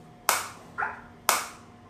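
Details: Biotronix focused shockwave device demonstrated on the operator's hand; intensity increased while frequency automatically drops: sharp, loud clacking pulses about one per second with a softer tap between them from the focused shockwave applicator firing.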